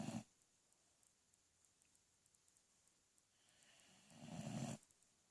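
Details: Two low rumbling snores with quiet breathing between them in a small room; snoring.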